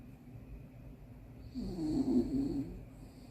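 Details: Sleeping miniature dachshund snoring: a single low, rumbling snore in a quiet room.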